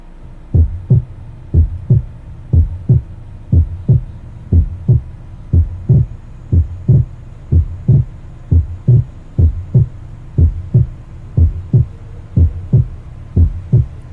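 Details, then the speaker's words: Regular heart sounds at about 60 beats a minute, heard with the stethoscope diaphragm; the second heart sound splits during inspiration: physiological splitting of the second heart sound. "Ahora vamos a proceder a escuchar el segundo ruido con su desdoblamiento fisiológico que ocurre en la inspiración."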